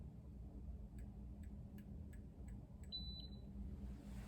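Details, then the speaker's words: iCare Home rebound tonometer, self-measured eye pressure with the other eye covered: soft clicks of repeated probe contacts, then a single high beep marking a good capture. "one beep good and then let's just show you that's two good beeps two captures"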